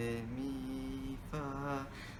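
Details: Patient with mutational falsetto, recorded after therapy; voice characteristics much improved, confirmed by computer voice analysis; voice after therapy for mutational falsetto.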